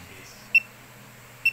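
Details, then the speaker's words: Pulse oximeter on a man's finger, reading 96% oxygen and pulse rate 65: two short high beeps about 0.9 seconds apart, normal, unhurried heart rate. "So may naririnig kayong sound so sa Sound pa lang may idea na kayo kung mabilis ba o ma o mabagal yung tibok ng puso normal tunog"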